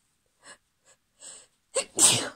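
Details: Woman's held-back sneezes: three small stifled hissing bursts, then a quick sharp intake and one loud explosive full sneeze.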